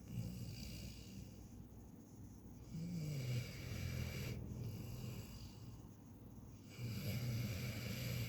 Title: snoring in my ear!